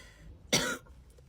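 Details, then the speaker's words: A single short, harsh, explosive cough from an adult woman with a past history of bronchitis, who says she does not have COVID, heard against quiet room noise while she talks to camera. "Also, I have a cough. I know it sounds bad, but I don't have COVID or anything. I've just had bronchitis before. So whenever I get a cough, it sounds like I'm dying."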